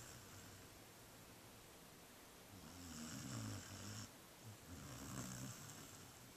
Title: Snoring furkid